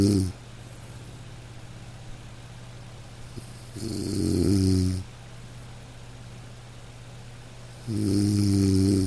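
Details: Sleeping dog: two soft, low rumbling snores on the in-breath over steady light-rain background noise; gentle sleep snoring.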